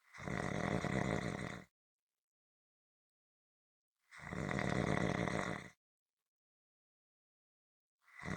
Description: This is a 7 minute clip consistant rhythmic snoring. Attached at the end is a longer audio if you want more!